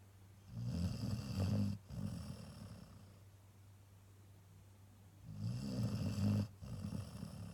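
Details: Cocker Spaniel dog sleeping after a heavy weekend of walks: deep, rattling breaths in two long episodes about five seconds apart. Snoring.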